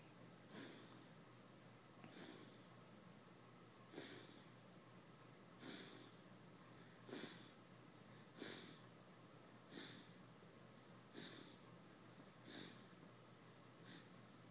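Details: Snoring: regular short snorting breaths about every 1.5 seconds, around 40 a minute, over a steady room hum.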